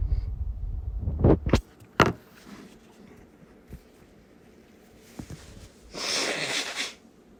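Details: Strong sneezes: two forceful sneeze bursts close together, then sniffs and a longer blowing or rustling noise, over low rumbling room or vehicle noise.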